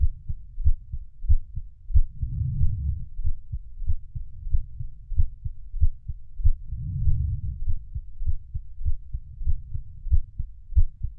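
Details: Steady low thumping heartbeat, about 94 beats per minute, regular rhythm, with slow whooshing swell in the background; heartbeat sound.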